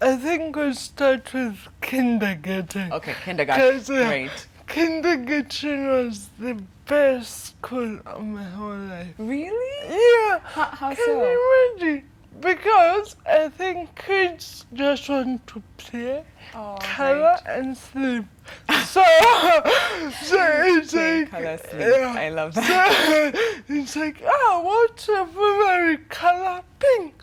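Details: 25-year-old woman with cerebral palsy caused by lack of oxygen at birth during her mother's prolonged labor, affecting leg and hand movement, coordination and speech; dysarthria (cerebral palsy).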